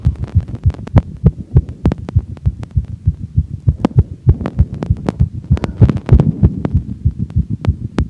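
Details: Woman's heart after exercise: very fast, regular, muffled sinus tachycardia, starting at 203 bpm and slowing to 160 bpm per heart-rate monitor watch; faint recording.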